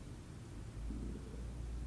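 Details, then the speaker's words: Stomach growling from a young woman while she does her makeup: a faint hiss gives way to a sustained low, rumbling gurgle; borborygmi. "my lashes can you hear my stomach growling"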